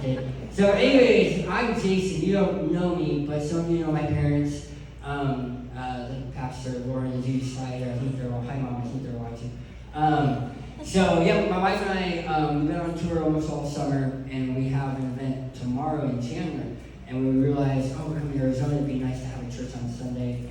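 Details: Adult male who lost 80% of his tongue to cancer, with a permanent speech impediment: speech impairment after partial glossectomy.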